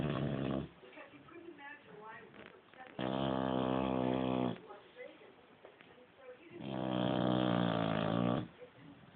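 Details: Loud, rattling snores on each breath in, separated by quieter breathing out, from a 6-month-old female Shar Pei asleep on the couch; snoring.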